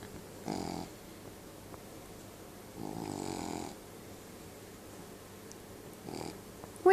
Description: trying to wake up Trapper- the Cavalier King Charles Spaniel that i take care of- while he is snoring and clearly, fast asleep :-)